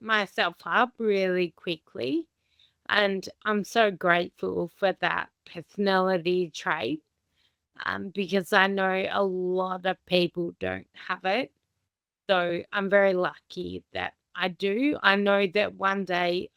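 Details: Adult woman with Friedreich's ataxia, a rare progressive inherited condition damaging the nervous system and muscles, diagnosed at 17; she says her speech is very slow and audible; ataxic dysarthria.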